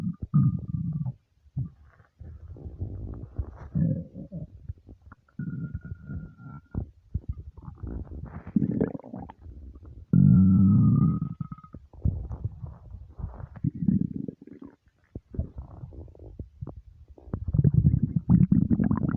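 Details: Loud, long, low rumbling and gurgling with squeaky whining tones from a starving stomach; hunger growling, normal bowel sounds (borborygmi).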